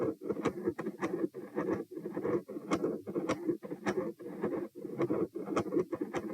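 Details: Heart recording taken at position P: a quiet, soft, rumbling murmur runs almost continuously through each heartbeat, with sharp clicks from electrical disturbance. This is a continuous machinery murmur.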